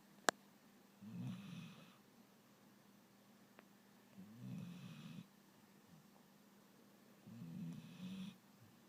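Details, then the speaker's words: Dog asleep on a couch, snoring: three low, fluttering snores about three seconds apart (roughly 20/min) in a quiet room; snoring. "The dog is snoring. Snoring dog. Oh, woke you up. Sorry."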